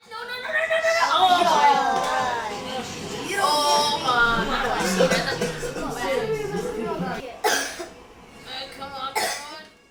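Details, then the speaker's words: Acted example of a childhood asthma attack: two short, dry, hacking coughs after voices and music: dry hacking cough (childhood asthma). "asthma dry hacking cough unassociated with a cold night coughing whistling or rattling in the chest wheezing and shortness of breath are common indicators of asthma in children"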